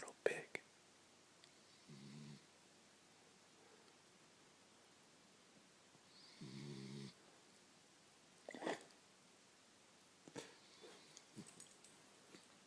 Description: My wiener Sammy snoring like a little pig.